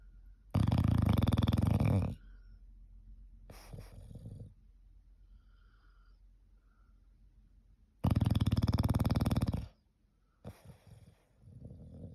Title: Pneumatic drill at its finest #foryou #shorts #englishbulldog #snoring #viralshorts